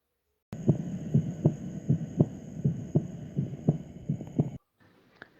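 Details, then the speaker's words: Regular low heart thumps at about 80 a minute during a cardiovascular auscultation lesson: first sound from atrioventricular valve closure (systole), second from aortic and pulmonary closure; normal heart sounds (S1 and S2). "primer ruido este es producido por el cierre de las válvulas auriculoventricular es provocando el ruido de la sístole"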